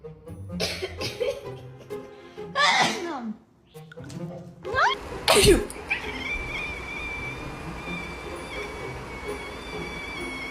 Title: Cats hate sneeze 🤣#funnyanimal #cat #funnycat #pets #kitty #kitten